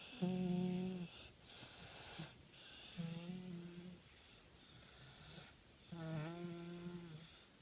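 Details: A man snoring while napping face-down: three low, buzzing, tonal snores about every three seconds, with quiet gaps and a steady high room hum.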